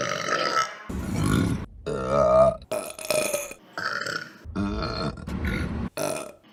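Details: A run of repeated loud, deep burps, several drawn out and voiced, one after another. This is burping.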